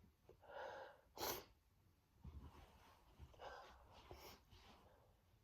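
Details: Man sneezing, described as huge, desperate sneezes: two sneezes, each a breathy build-up then a sharp forceful burst, in a quiet room.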